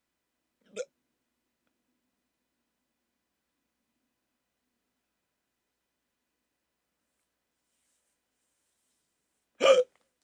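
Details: Two sharp, brief hiccups about nine seconds apart with silence between, during a rare 14-minute hiccup attack after waking from sleep with a CPAP mask used for sleep apnea.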